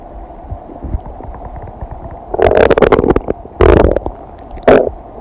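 Low rumbling with bursts of gurgling and bubbling: ordinary digestive bowel sounds.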